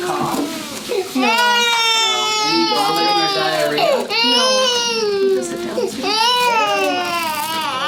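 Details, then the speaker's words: Sick infant girl at an office visit, possibly teething her two top teeth: loud, sustained wailing cries with brief catch breaths from stranger anxiety, which began days ago; lungs clear; normal developmental stage. "sorry about that that was way too much excitement obviously that was way too much exciting this is new just a couple days ago she started recognizing the stranger"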